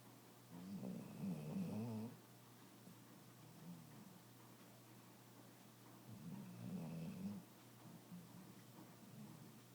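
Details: Soft rattling snore on each breath, a low fluttering sound about every four seconds, with quieter breathing in between; snoring.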